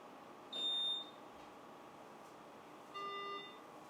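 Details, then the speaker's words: Two electronic beeps, a higher tone then a lower one, over quiet room hum as an ICU mechanical ventilator is switched on with its rear power button during a training demonstration. "راح نبدي نشغل الجهاز. اكو باور لي ورا دوسه يبدي يشتغل."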